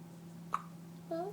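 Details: A newborn's first hiccups after birth: one sharp, abrupt hiccup followed shortly by a soft vocal sound, in a quiet room with a faint hum.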